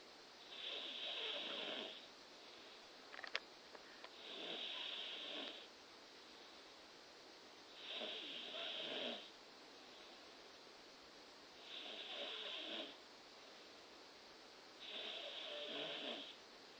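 Steady, raspy breathing noise at about 17 breaths a minute, with quiet pauses between breaths; snoring during sleep.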